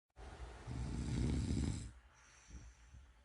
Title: Tuxedo Cat Snores 2. #tuxedocats #cutecat #tuxedocat #cute #cat #cats